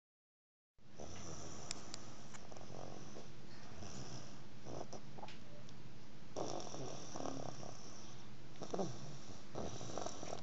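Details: Man who fell asleep at the table snores with a steady low rumble, with faint clicks and rustling in the background; snoring.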